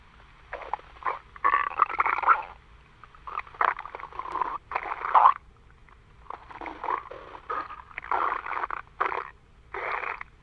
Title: Stomach Growling